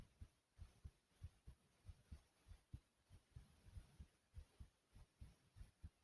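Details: Heart pounding after running in place: strong, regular low thumps at about 97 beats a minute; fast, pounding heartbeat after exercise, normal.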